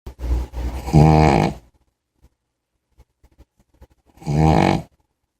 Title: snoring big_puppy